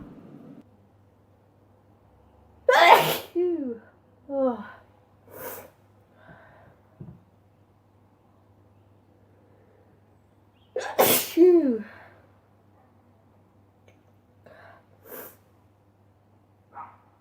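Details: Sneezing compilation: a run of sudden, explosive sneezes, several with a rising intake of breath before them, in a quiet room.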